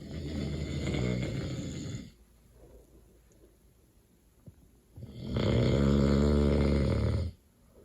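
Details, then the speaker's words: Loud, rough, rattling snores with a quiet pause between breaths, from a man asleep in his bedroom, recorded from outside the bedroom door; heavy snoring. "But I'm gonna try and turn the light on so I can get proof that he's snoring so loud right now. I think you can hear him outside our door here, but he needs proof to see his face."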